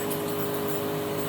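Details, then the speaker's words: Steady mechanical hum with constant whine and hiss of a compressor nebulizer plugged into a hotel socket, used at 4:30 a.m. during an asthma attack blamed on cold, humid weather. "so inatake ako ng asma ng madaling araw so ito nebulizer muna tayo dala ko to"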